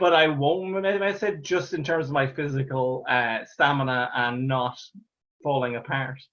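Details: Real stammer in an adult Irish male stand-up comedian who has stammered through his comedy career since 2010, speaking conversationally; stuttering (stammering).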